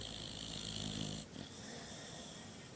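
A rough, rattling snore during inhalation, ending abruptly, then quieter breathing.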